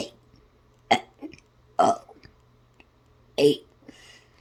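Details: Deliberate, playful burping of the alphabet song: three loud voiced belches in a row, shaped like sung letters, with quiet gaps between.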